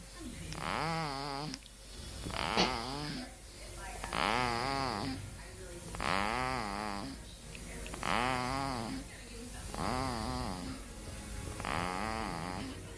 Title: Cute Baby Snoring